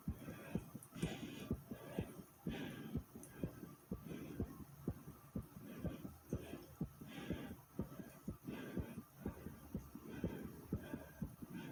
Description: my heartbeating after exercise like comment subscribe and enjoy